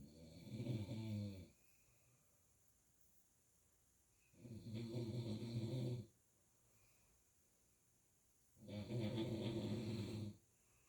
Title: snoring last night